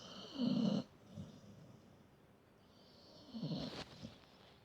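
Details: Dog snoring while asleep: two rough, rattling snores over a few seconds with quiet breathing between; snoring.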